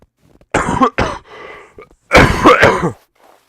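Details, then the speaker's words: Adult with a chronic cough of about two months: several harsh, dry coughs in two bursts, the second louder and more clustered. "hear the cough, they're probably not gonna take that overly well. I mean, I have been trying to get rid of it, but I was creating a lot of noise, and I've been dealing with this for like 2 months."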